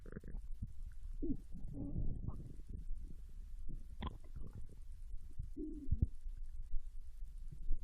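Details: Japanese girl recorded lying on her side in bed while digesting ramen: soft low gurgles, squeaks and rumbles at irregular intervals. Ordinary bowel sounds of digestion after a meal.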